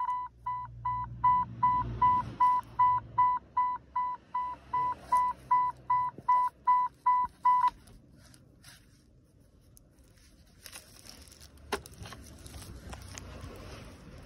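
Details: Power-on check of an OT-707 infusion pump: a steady series of about 17 high, evenly spaced electronic beeps, then quiet room noise.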